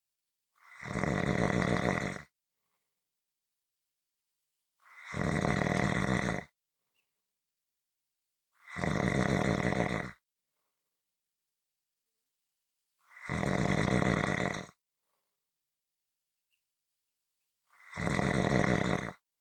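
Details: Snoring recording: loud, rough snores about every four seconds, roughly 14 per minute, with silence between them.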